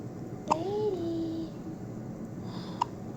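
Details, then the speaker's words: Baby boy waiting to go home, with hiccups: two abrupt, sharp hiccup catches about two seconds apart with a soft infant vocalization between, quiet room. "you doing? You got the hiccups? Hey. Hey, little boy. What's wrong? You got the hiccups?"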